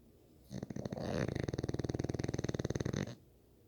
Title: Snoring bully